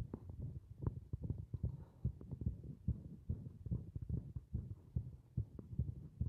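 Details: Muffled, rapid low thumps, roughly 140 a minute and somewhat irregular in loudness, from a heart beating against compression.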